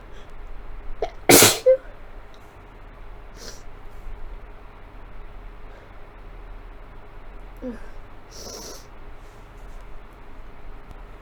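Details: Sneezing from a common cold, sick since Thursday: one loud, forceful sneeze, then a few faint sniffs and a softer second sneeze over steady computer-fan hum.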